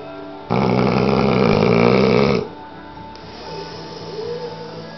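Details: A tired 8-month-old American bulldog puppy asleep, with one loud, rattling snore of about two seconds, then quieter noisy breathing over background hum; snoring.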